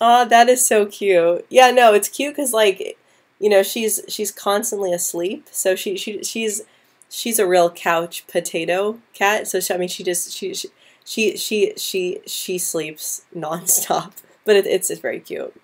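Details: Woman who stutters since about age 9 or 10, with repetitions and blocks at the start or middle of words, especially P, B and C sounds, worse with anxiety; stuttering.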